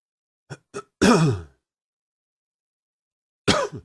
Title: Coughing 33